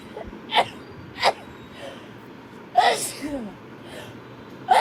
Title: girls sneezing rapidly. #5.|| rapid sneeze.